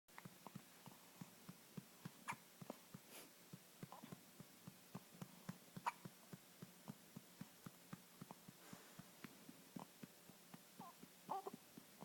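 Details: Rapid series of sharp, clicking, squeaky catches in a quiet room from a girl just after eating, hiccups strong enough to move her whole body; repeated hiccups.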